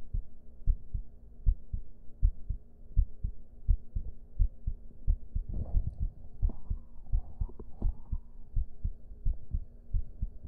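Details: Regular low thumping heartbeat, about 85 per minute, with brief talk-like noise midway. Normal heartbeat.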